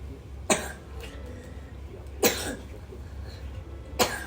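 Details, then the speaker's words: Young school-age boy with a cold and a very bad cough, who has been secretly drinking cold water, asks his mother for cough medicine before school: three sharp single coughs about 1.7 seconds apart over background hum. "को बहुत तेज खासी हो रही है यह जा ही रहा था तो फिर इसने याद दिला दिया कि मम्मा खासे की दवाई दे दो"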